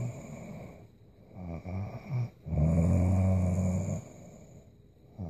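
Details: A sleeping young woman snoring: low, vibrating, fluttery snores, a few short ones followed by one longer rattling snore lasting over a second.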